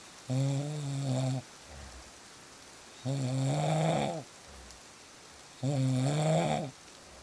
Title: • Fall Asleep Fast With Real Snoring Sounds